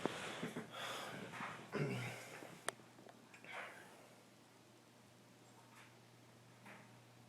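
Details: Boy making noisy nasal snorts and rough breaths likened to Chewbacca, early ones louder, fading to quieter breathing in a small room.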